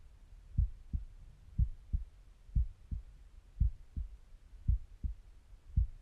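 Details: Steady resting lub-dub heartbeat at about 56 beats a minute, normal rhythm, recorded by stethoscope with faint bowel gurgles; normal resting heart sounds.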